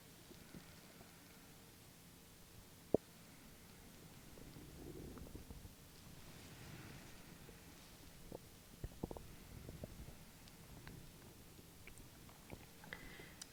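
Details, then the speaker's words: ASMR role-play of an abdominal exam, not a real doctor: stethoscope on the abdomen of a patient lying down with two weeks of intermittent left-sided abdominal pain; soft, irregular gurgles and low rumbles, normal bowel sounds heard in all four quadrants. "sounds heard in all four quadrants"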